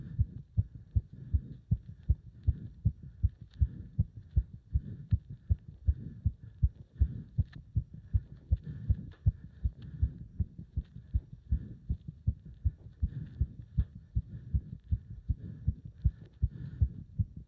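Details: Heart sounds during leg-wrench exercise, pounding felt up to the subclavian artery: fast, strong, regular heartbeat about 150–160 bpm; rapid forceful heartbeat with exertion.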